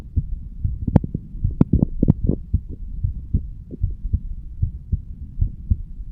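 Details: Regular heartbeat at about 76 beats a minute from a 35-year-old man standing, recorded over the bicuspid (mitral) valve area; normal heart sounds.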